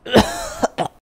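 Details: Simulated productive cough by an actor: a harsh cough with a drawn-out rasp, then two shorter coughs. Portrays a heavy-smoking construction worker with green sputum, chest pain, shortness of breath, fever and sweats.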